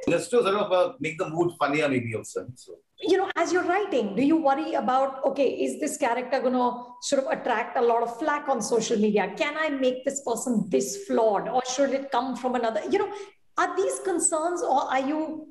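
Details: Adult woman speaking; typical speech.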